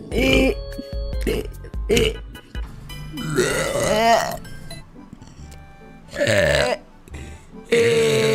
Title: Vtuber Burp Compilation